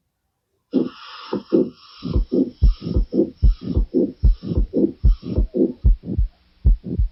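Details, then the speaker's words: Mitral valve prolapse: regular heartbeat near 74 a minute, with a mid-systolic click in each systole followed by a short late systolic murmur running into the second sound. "Okay, here there will be a mid midsistolic click and as we have learned in the first part midsystolic click is a signature is a signature of mital wall prolapse"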